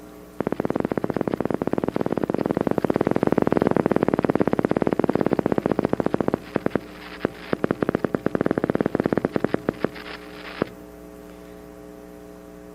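Rapid, regular crackling pops from a single motor unit firing fast, fading to a steady electrical hum: reduced recruitment on needle EMG.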